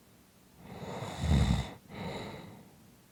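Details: Snoring: one snoring breath with a rough, fluttering inhalation and a deep rattle, a brief pause, then a softer exhale.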